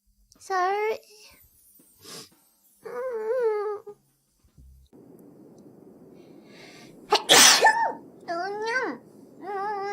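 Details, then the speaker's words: Female streamer, apologising for repeated sneezing: voiced, building 'ah' breaths lead into a sharp, explosive sneeze, with more voiced sounds after and soft music behind; sneezing. "i'm sorry i keep sneezing"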